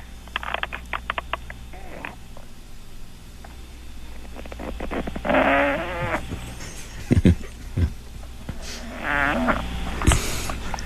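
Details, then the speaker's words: 5-month-old English bulldog puppy asleep with tongue out about an inch: loud rattling snorts and snores over a noisy phone line with clicks and rustling; snoring. "but let's go to Michelle real quick her dog is asleep and snoring really really loud right now got to hear some hey Michelle hello let's hear your dog snore"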